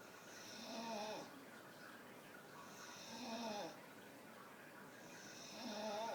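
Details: Staffordshire bull terrier snoring with eyes wide open while sitting: three rhythmic, rattling, hissy snores, about 24 per minute, with quiet breathing between.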